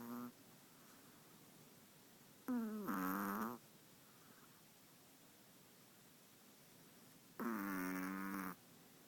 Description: Walter is a 5 month old, long hair chihuahua. Loves to snore.